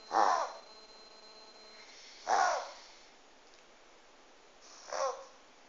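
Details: Pug reverse sneezing: three loud, harsh snorting inhalations a couple of seconds apart.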